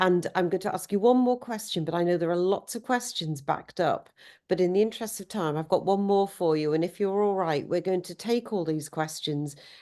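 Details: Adult woman speaking; Normal speech.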